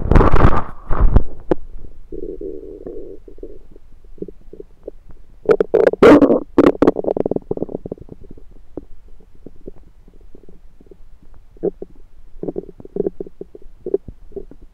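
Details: Own abdomen recorded with a USB stethoscope on the belly: gurgling, bubbling rumbles in irregular runs; ordinary active bowel sounds (borborygmi).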